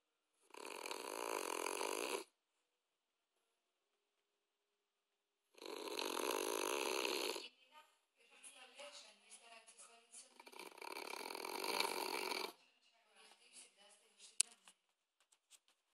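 Loud, raspy, snorting breaths about every five seconds, with quiet pauses between and softer snuffles; snoring in a flat-faced dog.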